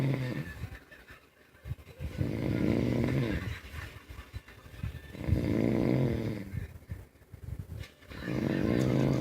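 Loud, rough, rattling snores with each breath, about three cycles in nine seconds, separated by quieter breathing; steady room noise behind.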